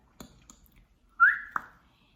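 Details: An 18-year-old woman with Tourette syndrome that she says is considered severe and limiting makes a brief, sudden whistle-like squeak between quiet clicks; a simple vocal tic.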